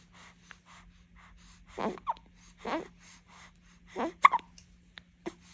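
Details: A baby's hiccups: three sharp, abrupt catching sounds with short squeaks between quiet breaths.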